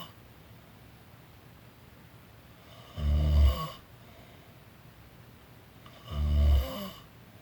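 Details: A person snoring while napping: two deep, rumbling snores on inhalation about three seconds apart, with quiet pauses; ordinary snoring during sleep.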